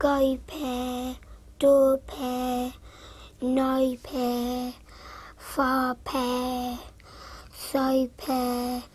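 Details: Childhood apraxia of speech in a seven-year-old girl during Nuffield Centre Dyspraxia Program therapy, practising consonant-vowel words.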